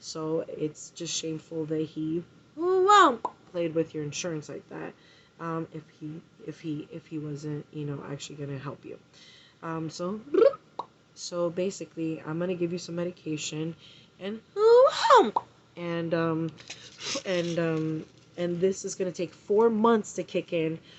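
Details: Vocal tics in a 39-year-old woman newly diagnosed with Tourette syndrome by a neurologist; sudden interjections and repeated words break up her speech.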